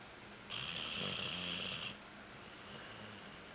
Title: Nalo Snoring